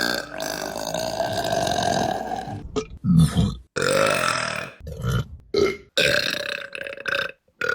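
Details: Women burping voluntarily in a compilation, with several long, loud, deep belches in a row and brief pauses between them.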